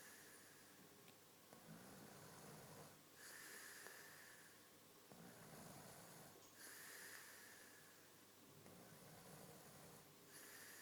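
Soft, slow rasping snores with hissy breath sounds, about three breaths in ten seconds, against low room noise; ordinary snoring.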